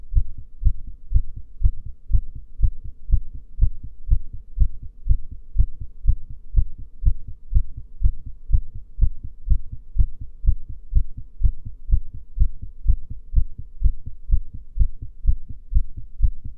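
Steady, regular low heart thumps at about 120 a minute during a breath hold, with a faint hum behind; normal heart sounds.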